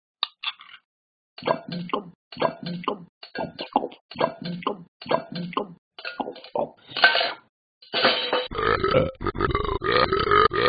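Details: A dog makes a series of about ten short, guttural, croaking bursts, with music at the end; repeated burping.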